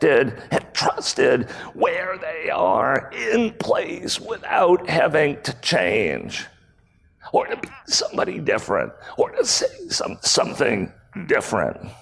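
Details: Male CEO with spasmodic dysphonia, a rare voice disorder acquired in 2010; throat muscles spasm and contract when he talks, sometimes making speaking difficult; speaking at a 2018 keynote, about eight years after onset.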